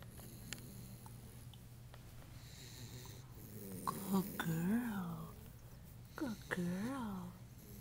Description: Listen to her snore!!!